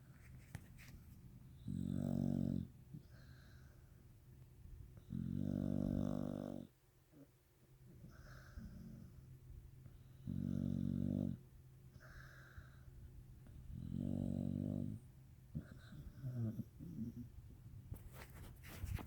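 Loud, rough snores come in four bursts, each lasting about a second, separated by quieter breathing. Typical snoring.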